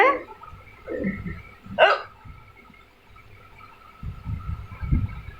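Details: Baby hiccuping while still playing: short, abrupt catches in the breath every couple of seconds amid soft baby sounds and room noise; infant hiccups.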